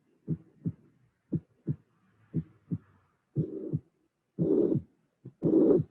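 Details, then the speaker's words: Teaching recording at mitral area, unfiltered: normal heart sounds, then long whooshing systolic murmur appearing with soft low-frequency boom just after second sound; mitral regurgitation with third heart sound, related to mitral valve prolapse teaching. "the next example will be a complete example without filtering before and i won't mention that we have normal sounds then regurgitation appearing and the third sound"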